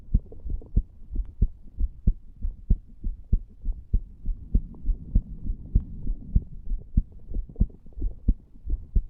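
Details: 34-year-old man lying on a bed after nicotine from a cigar and "green stuff", recorded over the tricuspid area: steady low heart thumps at about 98 beats a minute with a soft hum; fast heart rate.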